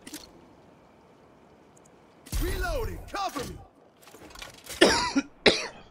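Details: Several harsh coughs and throat-clearing sounds in a short run after a quiet stretch, faint room noise; adult gamer during a gameplay recording, shortly after a swig of water.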